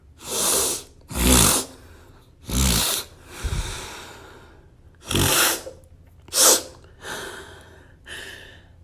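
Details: Escalating run of about seven forceful, explosive sneezes with sharp inhalations between them; repeated sneezing.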